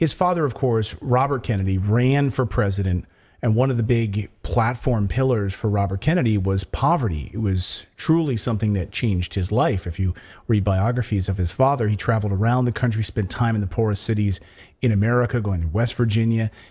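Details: Adult man speaking; no voice disorder.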